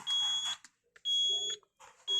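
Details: Repeating high-pitched electronic alarm tones in short bursts from a Zoll EMV+ ventilator switched to pressure mode, warning that the lower alarm limit is set too high and needs lowering.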